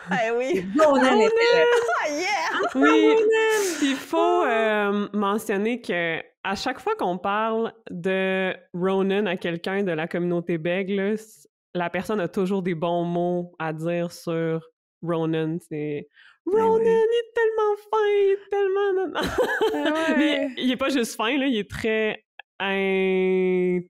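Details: Adult woman with stuttering, herself a speech-language pathologist, speaking French in conversation.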